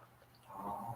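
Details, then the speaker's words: 12-year-old Shih Tzu sleeping beside the speaker in a room: snoring. "aí já está ouvindo de novo minha cachorrinha roncar? Cheirosa. Minha Shih Tzu de 12 anos. Agora que eu estou nesse novo ambiente aqui filmando, ela dorme aqui ao lado, tá? E ela está roncando e eu não vou acordar ela, como eu já disse para vocês."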